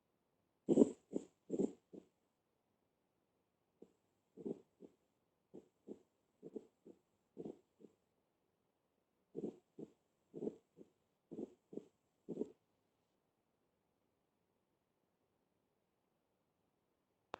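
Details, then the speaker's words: Soft heart sounds in groups of three, with an extra low thud after the second sound: a third heart sound (S3 gallop). "está muy bien que escuchen por lo menos el tercero escucho muy bien el 3er"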